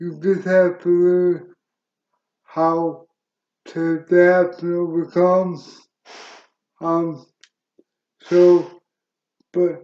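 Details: Dysarthria in an adult male wheelchair user with cerebral palsy present since birth, which he attributes to oxygen being cut off to the brain during birth; he reports a speech impediment.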